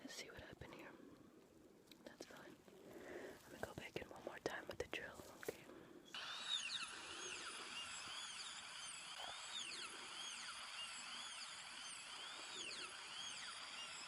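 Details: Simulated ASMR dental roleplay of an amalgam filling procedure: soft clicks and whispery noise, then a steady high whine of a dental drill.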